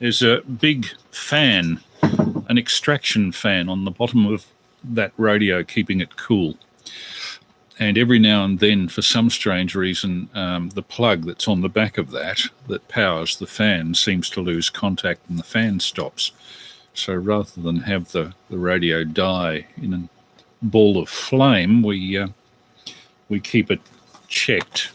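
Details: Adult man speaking; ordinary speech.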